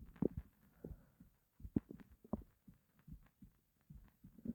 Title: my starving stomach growls